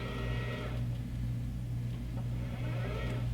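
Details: Imax Touch panoramic dental X-ray unit: steady low motor hum with whirring that starts and stops as the column is raised or lowered to set the sensor height to the patient's shoulder before a pano acquisition.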